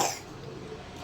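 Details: Infant (baby) who has had an ongoing cough: a single short, sharp cough followed by quiet room sound.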